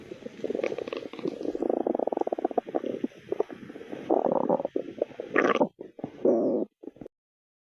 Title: My stomach growling while in a shelly cosplay outfit